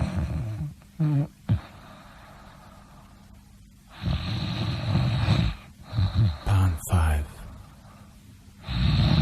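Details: Snoring compilation: loud, rough snoring breaths separated by quiet pauses, ending in snorting gasps; noisy sleep breathing with possible gasping.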